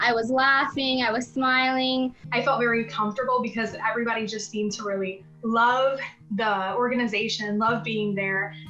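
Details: Adult woman speaking; no disorder.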